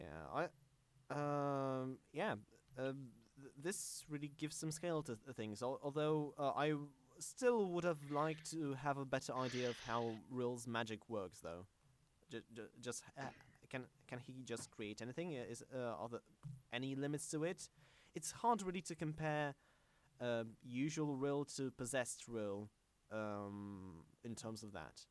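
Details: Self-described stammering male podcast host whose show combines a podcast with speech therapy, with word and part-phrase repetitions; stuttering.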